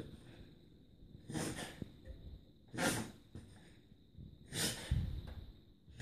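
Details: Whippet dog reverse sneezing: a series of harsh, noisy snorting inhalations. Episodes recurred over a few weeks, then stopped. The owner suspects an allergy to something sniffed outside.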